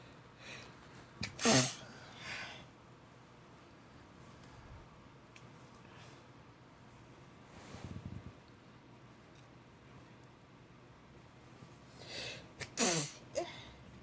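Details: Sneezing on a bed just after waking up: two sharp, explosive sneezes several seconds apart, with softer snorting breaths between them in a quiet room.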